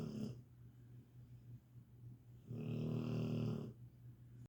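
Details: Snoring from a sleeping dog, possibly Catahoula or pit bull: low, rumbling snore sounds with two louder breaths about three seconds apart; ordinary snoring.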